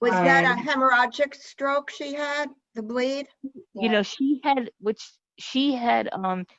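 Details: Adult woman speaking; normal speech.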